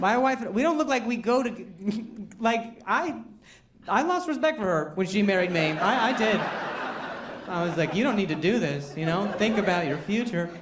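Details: Male stand-up comedian who stutters, saying his stuttering is a real condition that varies with his anxiety level, not an act, performing a live set; stuttering.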